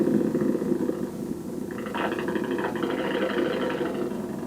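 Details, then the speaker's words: Dense irregular crackling and rumbling static from the EMG speaker as the patient pushes their arm out against resistance: voluntary motor unit potentials on needle EMG. "the actual voluntary motor unit potentials that we're recording."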